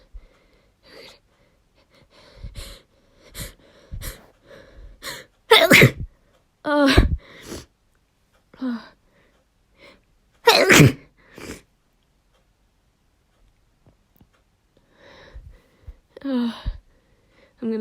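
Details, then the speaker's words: Woman inducing sneezes: quiet catching breaths and build-up sounds, then two loud explosive sneezes with more build-up afterward; ordinary sneezing. "uh yeah this is working i'm going to sneeze"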